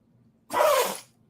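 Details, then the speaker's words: A single sharp, airy sneeze, about half a second long, from a male pet dog in a quiet indoor room. "that was my little boy he had a sneeze"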